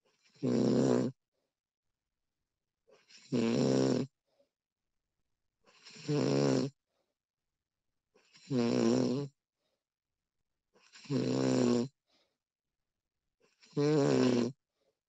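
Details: Recording of a woman snoring: regular buzzing snores on each in-breath, about every two and a half seconds, silent between; snoring.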